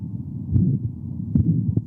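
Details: Adult man with aortic stenosis and rate-controlled atrial fibrillation: high-pitched, loud ejection systolic murmur throughout the precordium, loudest at the aortic area, radiating to the carotids, with a quiet second heart sound.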